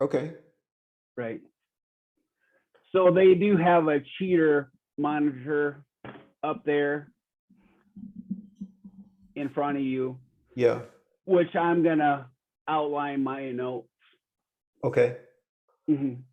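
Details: Real 45-year-old man with rare (under one in a million) primary progressive apraxia of speech; knows the words but they don't come out clearly; speech declining since a previous interview; apraxia of speech.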